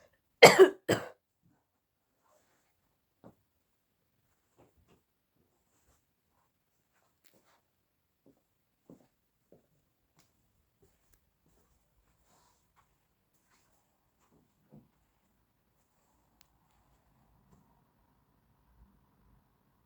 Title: putting on shoes after coughing